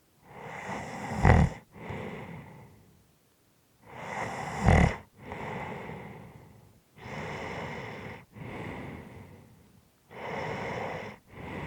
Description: Snoring and by the end heavy breathing.